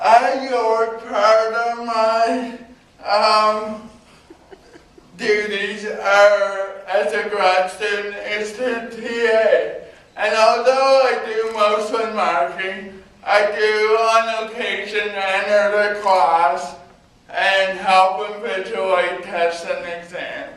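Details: Male university speaker with cerebral palsy who needs a scribe for coursework; dysarthria in cerebral palsy.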